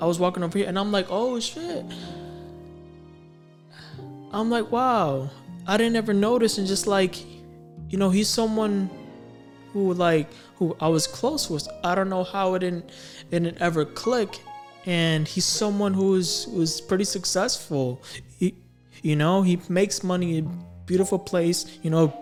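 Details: Stuttering in a male adult who has stammered since about age six or seven.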